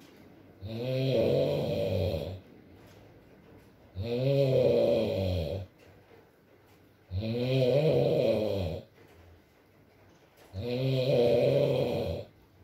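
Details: Adult male (boyfriend) asleep, ASMR recording with rain in the background: long, steady droning snores about 18 a minute with a soft hiss between them; snoring.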